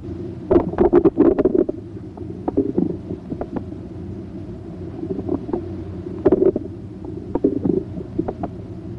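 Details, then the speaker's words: Irregular gurgles and clicks heard with the stethoscope diaphragm placed gently on the right lower abdominal quadrant, assessed for pitch, quality and frequency; normal bowel sounds showing ordinary gut activity. "for bowel sounds by placing the diaphragm of the stethoscope gently on the right lower quadrant. Listen to their pitch, quality, and frequency."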